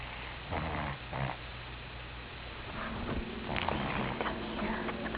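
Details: Snoring from a sleeping pet cat.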